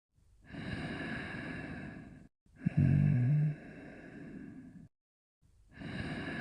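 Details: Sleeping dogs: long, noisy sleeping breaths with a brief low rumbling snore on one breath; ordinary snoring.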